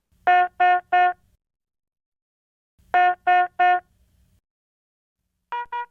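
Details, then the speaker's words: Philips HeartStart MRx monitor: two groups of three steady electronic tones, repeating; yellow medium-priority alarm for a non-life-threatening condition such as heart rate violating high or low limits. "a yellow alarm indicates a non life-threatening condition such as when the heart rate measurement violates the high or low limits the cause of the alarm displays with a yellow background and sounds like this"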